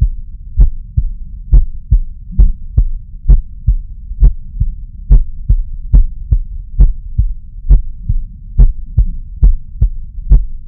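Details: Normal heart sounds at the mitral area via a Bluetooth wireless stethoscope (Stemoscope): steady paired thumps about 66 a minute over a low hum.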